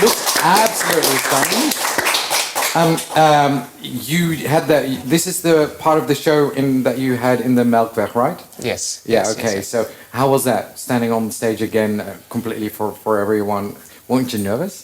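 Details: Adult male speaker with brief replies from a second person; normal conversational speech.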